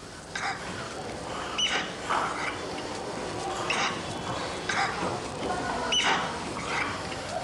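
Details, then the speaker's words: Young child breathing rapidly, with musical whistling sounds on breathing out and no harsh inspiratory noise, so not stridor; expiratory wheeze. "He had a wheezing sound when breathing out. Therefore, we decided that did not have stridor. Stridor is a harsh sound when breathing in. This child has a wheeze when breathing out."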